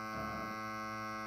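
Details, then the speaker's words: Negative pressure wound therapy: portable Prevena wound VAC over a finger skin graft after traumatic finger amputation salvage, dressing hardening and shrinking down; steady low continuous pump hum consistent with a good seal. "see starting to get hard shrinks down and then also you listen to the pump"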